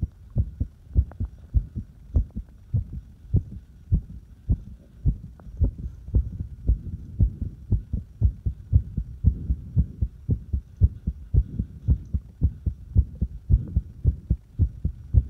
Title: Irregular heartbeat and fast heartbeat